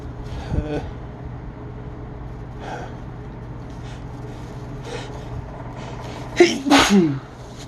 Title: Sneezing Attack of Sorts